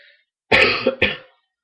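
Two short, forceful coughs in quick succession from an adult, the first longer and rougher, in a quiet room; a plain cough with a cold.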